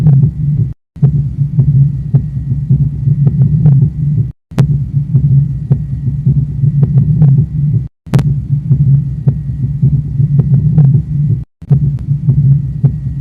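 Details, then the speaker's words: Heart sounds with a quadruple gallop rhythm: continuous low heart sounds with extra filling sounds, both S3 and S4 added to S1 and S2. "mas um ritmo de galope contém outros dois sons S3 e S4 a presença de ambos os sons formam galope quadroclui"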